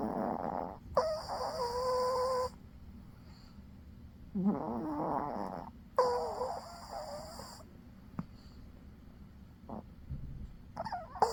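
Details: Repeated rough breathing noises with whistling nasal tones in slow cycles as a pet dog sleeps: snoring.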